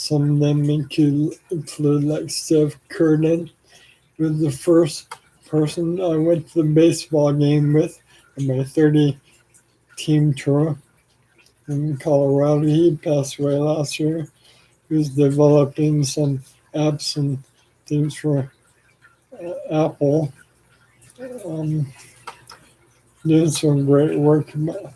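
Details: Adult man with ALS, 4 years after diagnosis and 14 years since symptom onset, with weakening arms and saliva and phlegm buildup; slurring speech, possibly hard to understand; dysarthria (ALS)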